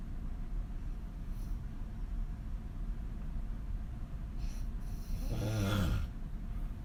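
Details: Adult woman sleeping on her back with her mouth wide open: a single loud, rattling snore rises out of steady background hiss. Snoring.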